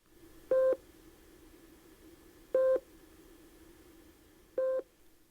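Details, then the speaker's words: VS3 vital signs monitor low priority alarm (for example, recorder door open, message area turns blue): single steady electronic beeps repeating about every two seconds. "In a low priority alarm such as recorder door open, the background of the message area turns to blue and the alarm tone sounds like this."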